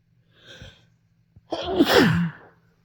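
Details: A soft catching inhale, then a single forceful voiced sneeze that trails off, while sick with a cold; the person says they induce many sneezes while sick and tries to hold them back.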